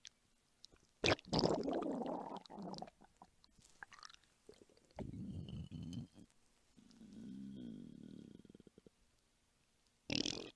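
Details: Belly and stomach rumbling ASMR of a hungry mother, recorded close up: gurgling, squelching and bubbling rumbles in bursts with a few sharp clicks, hunger borborygmi.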